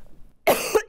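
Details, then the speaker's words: Adult with a lingering cough that comes and goes: a single harsh, loud cough burst. "Canadians know the feeling a cough that just won't quit I still have it yeah it comes and goes"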